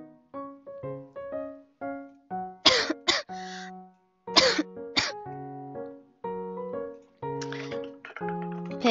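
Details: Girl during a live stream: several loud, sharp coughs in two clusters over background piano music; ordinary cough.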